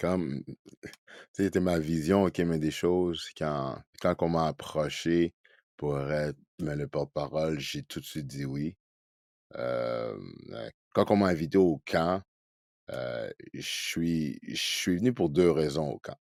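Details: Adult man who stutters, spokesperson for a Quebec association for children who stutter, speaking French; as a child he rated his stuttering 15 on a scale of ten; stuttering.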